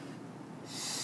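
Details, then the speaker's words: Manual resuscitation (Ambu) bag connected to a tracheostomy to hyperoxygenate before suctioning, 15 L oxygen at FiO2 100%, first of five breaths: quiet rush of air, then a sharp hiss as the bag is squeezed. "so I'm going to take my amboo bag remove this here connect it and then five breaths one"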